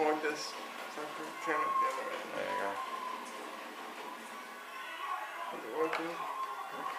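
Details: Dysarthric speech in an adult man with cerebral palsy who uses a power chair; the cerebral palsy is stated, and no speech disorder is named.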